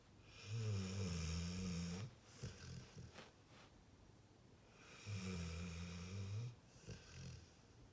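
Two long, low, rattling snores on inhaling, each followed by softer breathy exhalation; a dog snoring in sleep.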